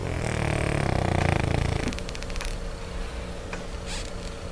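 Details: Small French Bulldog sleeping: a loud, rumbling, fluttering snore, then quieter breathing with room noise; flat-faced dog snoring.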